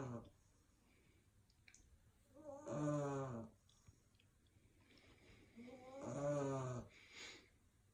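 Two loud rattling snores on the in-breath, with quiet breathing between them; ordinary sleep snoring in a puppy.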